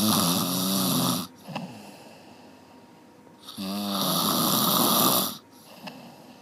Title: 1 Hour Snoring เสียงกรน 1ชั่วโมง